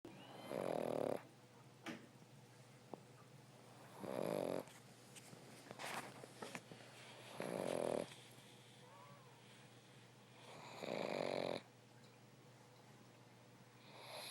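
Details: Dog sleeping in owner's lap: slow, regular snoring, one rumbling breath about every three and a half seconds, roughly 17 a minute; snoring.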